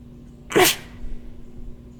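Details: A single sharp, explosive sneeze with quiet before and after, performed by a person as a sound effect for a "Sneezing Frog Fish" creation.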